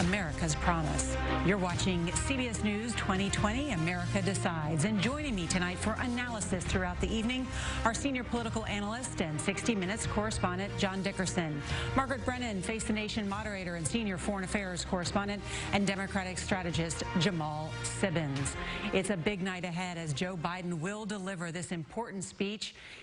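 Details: Adult woman, news presenter; normal fluent speech.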